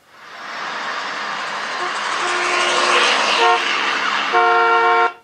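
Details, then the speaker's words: Street traffic with car horn toots played through the Starkey hearing loss simulator app at its normal hearing setting; normal hearing reference. "let's just do normal hearing first of all and then tap anywhere out and then let's have a to a car"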